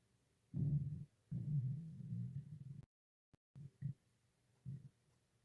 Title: stomach growling 2